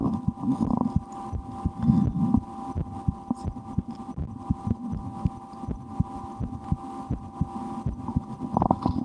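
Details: Own heartbeat recorded through a stethoscope for relaxation, sometimes holding breath or trying to raise the rate, with a loudly digesting stomach after lunch: soft regular thumps under steady hum and some stomach rumbling; normal heart sounds.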